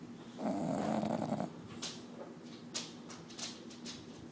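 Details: Sleeping bulldog snoring: one long, rough rattling snore, then snuffly breaths and small snorts.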